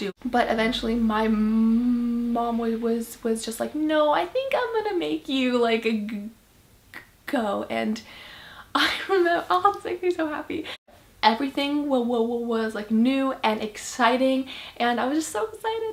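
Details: Female who stutters, first realizing it in 5th grade; stuttering.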